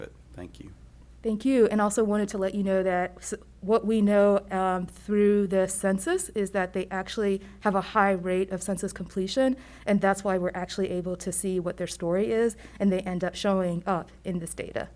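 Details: Adult woman speaking; normal voice.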